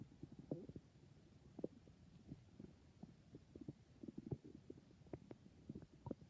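Soft, irregular gurgles and bubbling pops from the belly; ordinary bowel sounds, normal stomach growling.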